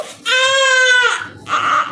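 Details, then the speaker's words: Newborn during a doctor's tummy time demonstration, used for excessive crying and colic: a single sustained, high-pitched wailing cry tapering off, then a softer fussy sound; infant cry. "তো বাচ্চা যখন excessive crying হবে, এটা অবশ্যই করাতে হবে।"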